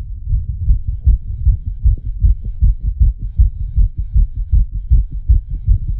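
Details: Fast, regular, pounding low heartbeats at about 150 to 160 a minute, the creator's own heartbeat set to an animation of a racing, panicked heart.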